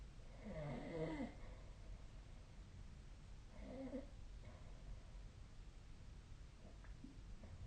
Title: 🐽 本日のイビキ / Snoring Sleep Sound 2025/01/28